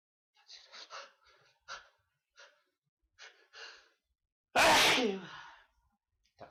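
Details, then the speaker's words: Repeated sneezing fit: quiet breathy sounds and short inhalations, then one loud explosive sneeze with trailing exhale, part of a long run of sneezes; sneezing fit. "It's another one coming. Knew there was one. How many are we gonna get? Oh dear, bless me."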